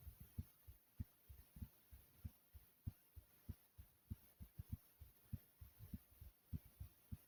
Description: In This Video I recorded my heartbeat over 3 minutes thumping pretty hard.